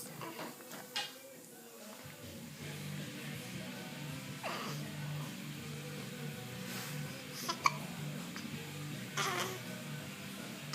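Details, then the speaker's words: An infant's first hiccups: several brief, sharp hiccup catches at irregular intervals, with soft babbling and background music. "do you like your hiccups no you don't like your hiccups you don't like your hiccups"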